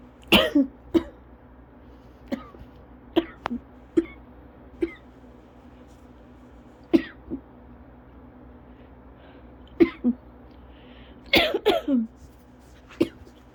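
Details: Adult during a cough variant asthma attack: a long run of about fifteen short, dry coughs, single and in small clusters.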